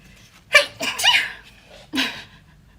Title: Sneeze cute